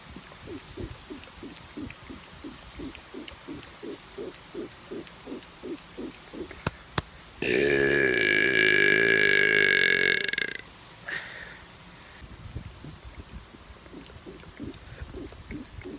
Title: Outside Burping